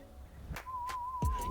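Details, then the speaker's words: Steady, low-pitched warbling "rumbly" test tone with soft clatter during a child's play audiometry hearing test practice game. "And this time Quinn, we're going to listen to some rumbly noises."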